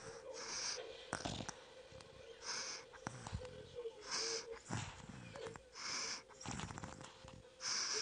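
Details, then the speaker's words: Wheezing in a pediatric patient: loud noisy breathing with rough, whistling sounds on each breath from narrowed, inflamed airways with increased mucus, a sign the patient is not healthy. "lo que nosotros decimos respiración ruidosa. Entonces, estos ruidos respiratorios nos permiten identificar que ese paciente no está sano, que tenemos que ir a buscar qué le está sucediendo"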